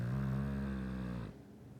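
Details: Dog snoring: a single loud, low, buzzing breath lasting over a second, then quiet.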